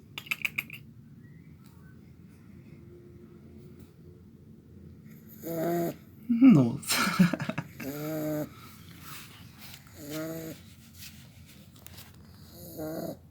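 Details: Snoring from a young pit bull puppy asleep: irregular snorting, rumbling breaths with a few louder snores, plus some faint room noise.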